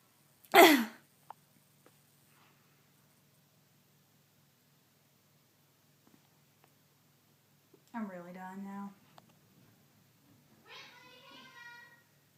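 One sharp, explosive sneeze, followed after a pause by two drawn-out voiced sounds in a quiet room.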